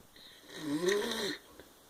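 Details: Brother sleeping, who denies snoring: a single loud, rising, buzzing snore on an in-breath; snoring.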